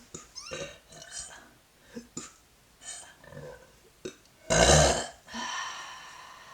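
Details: One loud, drawn-out belch following scattered quieter sounds and brief vocal noises; an ordinary burp.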